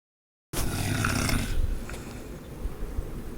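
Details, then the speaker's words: Snoring that sounds like a wild animal all night: a rough, low, rattling snore begins after silence and fades into quieter, noisy breathing. "what I hear all night is some kind of wild animal. Do you hear the animal?"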